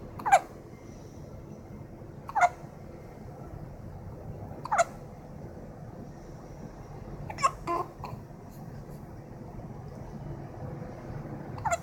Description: Two-weeks old baby's hiccups